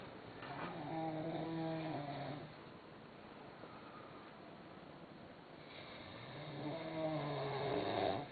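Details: Sleeping man snoring "like a horse"; two drawn-out, low, buzzing snores a few seconds apart, with a quieter pause between them and some background hiss; snoring.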